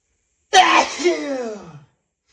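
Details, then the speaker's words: Male sneezing repeatedly: a single loud, explosive sneeze with a voiced trailing tail in a quiet room, after saying he feels another sneeze building. "Oh my God. I'm gonna sneeze again. I can just feel it. I feel it building and building."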